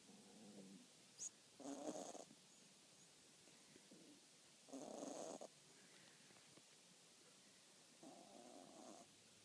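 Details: Sleeping Cavapoo puppy: soft, snuffly snores roughly every three seconds, quiet between breaths; snoring.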